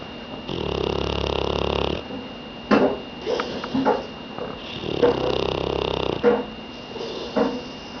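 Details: Dog asleep on a couch gives long rumbling snores on the in-breath, with softer snorts and puffs between them, about three breaths across eight seconds: snoring.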